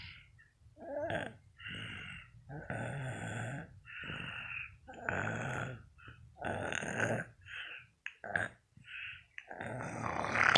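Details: Heavy snoring: loud, rough, irregular snorts and grunting snores in quick succession, some with a gurgling rattle.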